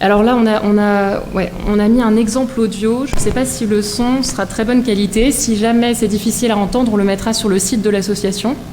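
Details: Adult woman; normal voice.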